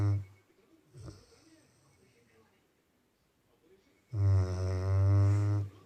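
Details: Labrador that snores a lot, snoring while asleep: a deep, rumbling snore on the in-breath, a quiet pause, then a second long, loud snore; ordinary snoring.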